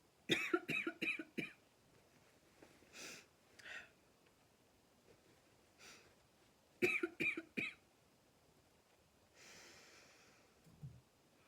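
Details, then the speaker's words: Adult who has been snuffy for the last few days, with two quick bursts of short, dry, hacking coughs and quiet breaths in between; she calls it an annoying dry cough: dry cough. "It's one of those annoying dry coughs. I'm just going to have to fight it cuz the more I cough, the more I walk off."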